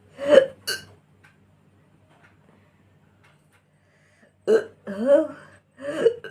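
Abrupt voiced gulping sounds, some drawn out like burps, separated by silence. Fits hiccups mixed with belching.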